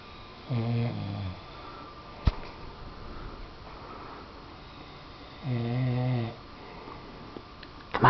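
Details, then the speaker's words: Two low, rumbling snores about five seconds apart in a quiet room from a sleeping pet, likely a dog, around midnight; snoring. "little piggy snore come on snore little piggy snore that a boy that a boy snore one more time for Daddy"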